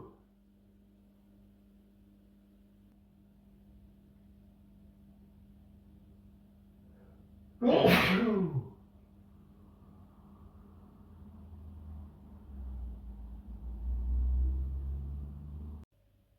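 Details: Male sneeze from a late-October compilation; he usually sneezes 3 to 5 times in a row. Quiet room, then one sudden explosive natural sneeze, followed by breathing and rustling.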